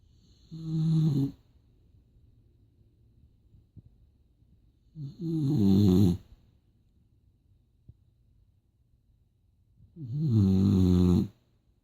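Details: Boxer dog asleep: three loud, rumbling snores about every four to five seconds, quiet between; snoring.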